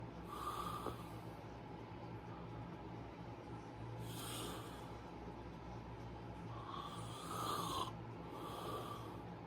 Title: Snoring beauty